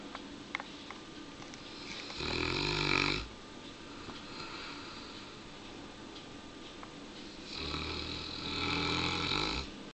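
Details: A 71-kilo Neapolitan Mastiff asleep on pillows, with two long, rough, rattling snores separated by quiet pauses: ordinary snoring.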